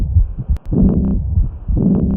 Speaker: Aortic insufficiency or aortic regurgitation produces a high-pitched early diastolic decrescendo murmur best heard at the left third intercostal space along the left sternal border with the patient leaning forward and holding their breath in expiration.